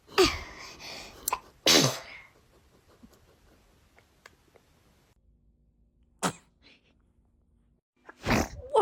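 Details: Baby: two quick, high-pitched sneezes close together, followed by quiet and a few soft bursts; an ordinary infant sneeze.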